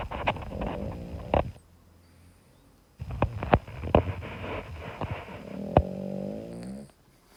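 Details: Sleeping dog snoring loudly: rumbling, voiced, groaning snores, two long breaths separated by a pause, with a few sharp snorts.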